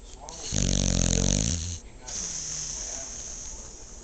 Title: My Dog Snores!